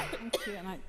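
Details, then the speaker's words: Adult legislator in a quiet assembly chamber gives a single short, sharp cough, followed by a brief voiced sound, while coughing during a member's question; cough. "I apologise, Mr Speaker, I didn't hear the member's question. I was coughing at the time."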